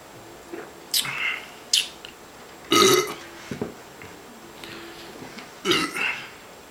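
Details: Adult man during a 40 oz drink challenge: several loud, rough belches in quick succession with brief pauses; repeated burping.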